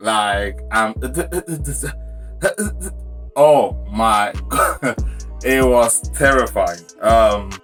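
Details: Stuttering (stammering) in an adult man whose onset was sudden at age 14 in front of a church crowd; it was worse for years and still appears when he is nervous.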